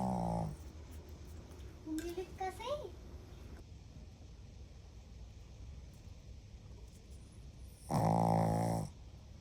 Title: Dog Snoring #viral #viralvideo #reels